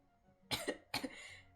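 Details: Cough in an adult streamer sick with COVID, voice affected: two short, dry coughs in quick succession in a quiet room.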